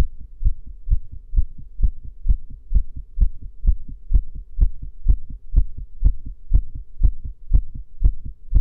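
Regular, strong heartbeats at about 128 a minute with a low hum between beats, recorded during a breath hold.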